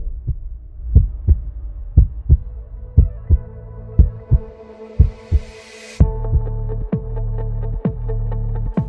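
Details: Regular low heartbeats at about 60 a minute, heard through a 3M Littmann CORE digital stethoscope with Bluetooth and up to 40x amplification, with background music and hum; heartbeat.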